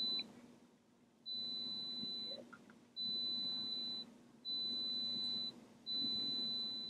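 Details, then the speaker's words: Adult with hearing loss, about 60% speech clarity, in pure-tone audiometry starting with the right ear, raising a hand at each beep; five steady high-pitched one-second tones with short pauses over low room hum. "you're going to hear those beeps they're going to start out loud and clear but they get real quiet so even if you barely hear the sound let me know by raising your hand"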